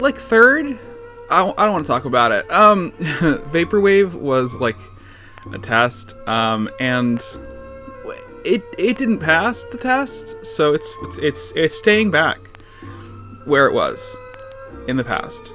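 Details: Adult man with lifelong stuttering, severe in childhood, who says he also slurs words and under-pronounces them to avoid long blocks; certain words and sounds still trip him up; stuttering.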